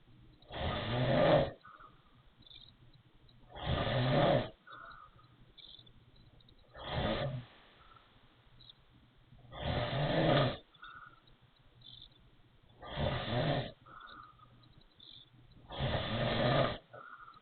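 Loud, regular snores about 20 a minute, each a harsh rattly inhalation with a whistling, wheezy edge, separated by quiet exhalations.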